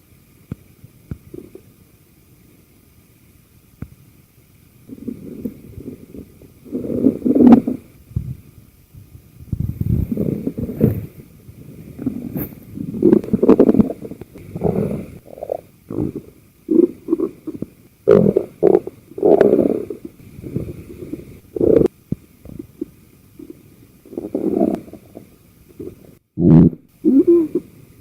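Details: Audio-only recording of a person's own stomach: low gurgling and rumbling in irregular bursts, normal bowel gas and fluid movement, borborygmi.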